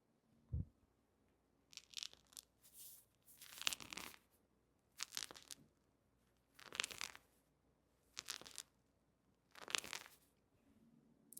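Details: Repeated gritty crackling bursts from the knee with each squat in an adult with chondromalacia patellae, who reports no pain or movement limitation during squats, stairs or running; knee crepitus.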